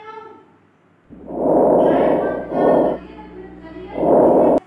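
Soft rustling breath sounds: a long inspiration runs straight into a short, fainter expiration, with faint background music. Normal vesicular breath sounds.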